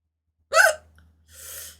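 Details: A single sharp, voiced hiccup followed by a soft breath out from a Twitch streamer; ordinary hiccup.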